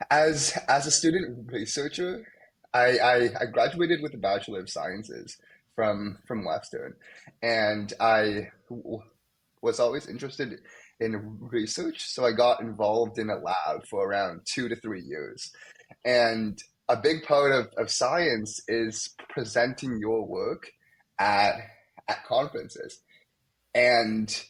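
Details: Young man, a medical student, who has stuttered most of his life, with blocks, especially on his name, and sound repetitions; stuttering.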